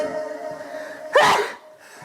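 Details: Single loud sneeze that bursts out and fades quickly over steady background music, with laughter from K-pop group members (Seventeen) who treat it as part of the rhythm. Finding: sneeze.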